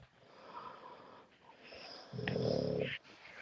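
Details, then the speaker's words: Over quiet room noise, a sleeping puppy gives one louder, rough, slightly tonal snoring breath lasting about a second: snoring. "Yeah, Parasol. I hear the puppy snoring."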